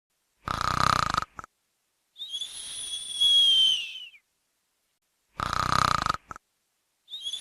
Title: Snoring Noise-First Time In The World Stop Snoring Naturaly